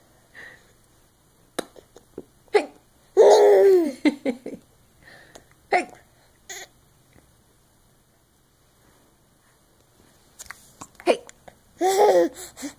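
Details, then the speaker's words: Sleepy baby girl with teeth having hiccups: repeated sharp, brief catches of breath at irregular intervals, with soft infant fussing and cooing. "you have the heckups look at those teeth hej sleepy girl"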